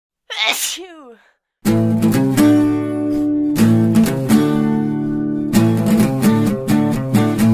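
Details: One brief sneeze with a falling voiced tail, then loud strummed guitar music, in a comedic edited clip about sneezing during the COVID-19 pandemic.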